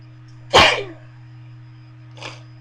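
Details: One sharp, forceful sneeze induced with a bobby pin, followed by a softer exhaled breath over a steady low hum; sneeze.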